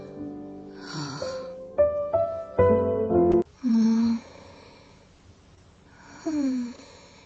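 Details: Acted cartoon snoring of the animated character Aisha from Winx Club: snoring and sighing sounds over background music during a nap.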